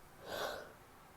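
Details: Female, a single brief, airy, stifled sneeze burst with little voicing; recording also includes wet sneezes, false starts and a nose blow.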